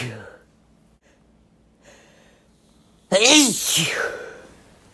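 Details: Male sneeze: brief inward breaths followed by one loud, wet, explosive sneeze with a voiced exclamation; an ordinary sneeze.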